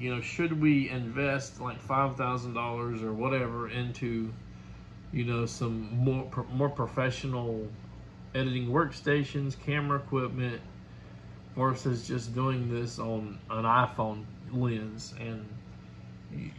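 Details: Adult man speaking; conversational speech.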